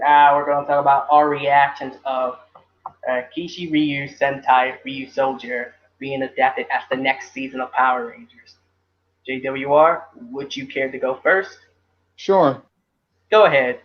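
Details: Adult male speakers in a podcast conversation; normal conversational speech.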